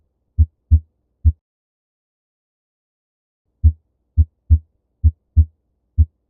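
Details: Normal heart auscultation: crisp, low lub-dub heart sounds at about 65–70 a minute, with no extra noises between beats; normal heart sounds.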